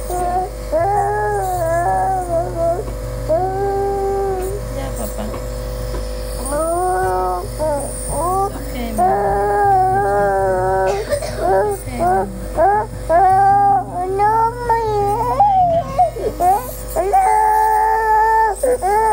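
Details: A young boy with fever, cough, post-cough vomiting and difficulty breathing, suspected RSV, wails and fusses over a steady machine hum as he is about to have a nasal swab and an albuterol nebulizer.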